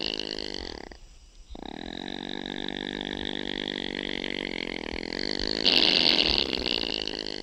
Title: Opossum sounds | How does an opossum snore